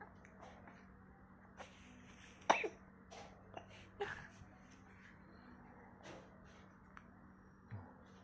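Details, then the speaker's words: Baby coughing and sneezing repeatedly: a few soft, brief coughs and a sneeze-like burst spaced irregularly in a quiet room. "Batuk kenapa? Jangan ngelumin tangan lagi ya. Ntar batuk."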